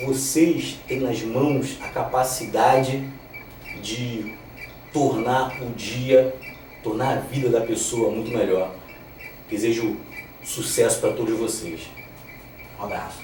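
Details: Stuttering in a 34-year-old man, reduced over time.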